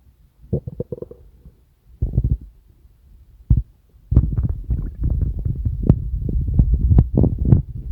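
Low gurgling rumbles, scattered at first and then nearly continuous, typical of stomach rumbling; ordinary digestive noise.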